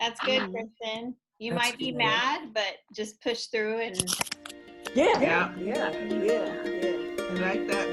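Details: Adult speaker; no speech disorder.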